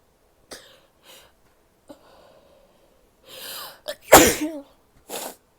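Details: A female gives several short sniffs and a small cough, then a forceful sneeze and a nose blow; sneezing.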